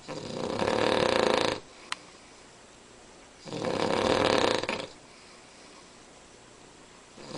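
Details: Cavalier King Charles Spaniel, unusually loud snorer: loud, harsh snores over a second each, about every three and a half seconds, with quiet between; snoring.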